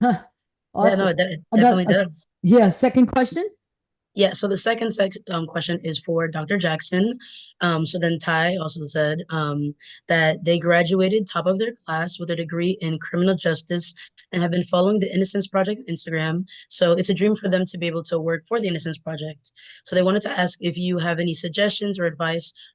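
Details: Adult woman speaking; normal speech.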